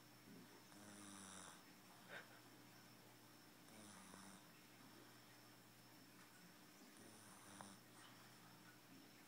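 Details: Soft, low rumbling snores recurring every few seconds over steady room noise, with a couple of faint snorts, while napping; ordinary snoring during sleep.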